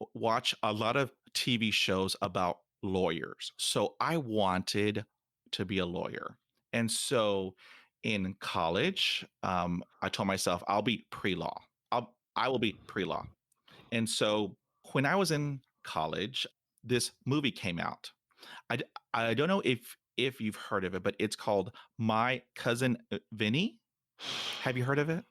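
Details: Adult man who stutters; stuttering.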